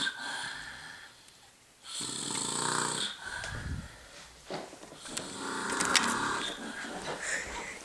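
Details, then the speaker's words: Person asleep on a couch for about 5 hours, snoring loudly: rough, rattling snores on each breath, about 18 a minute, in a quiet room. "been sleeping for about 5 hours he's like in hibernation mode on that couch God he's saw on some logs"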